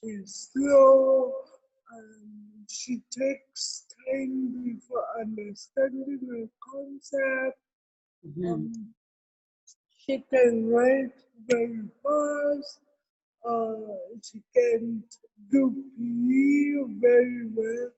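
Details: Adult woman with cerebral palsy present since birth, given extra time in an interview so she can be heard clearly; dysarthria (cerebral palsy).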